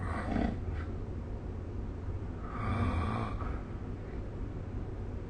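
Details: Snoring during sleep recorded with the SnoreLab phone app: rough, low rattling breath noises over a steady background hiss.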